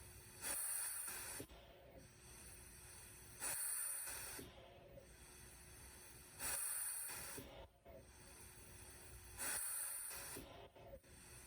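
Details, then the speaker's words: Mechanical ventilator test on 100% pressurized oxygen, compliance 20 mL/cmH2O and resistance 20, stepping down from 30 to 20 breaths per minute: regular hissing rush of air each breath with steady hum between. "So here we are at a compliance of 20, and we're going to go ahead and run the oxygen mode at 100%. We'll go backwards since we're already here at 30 breaths per minute. Down to 20."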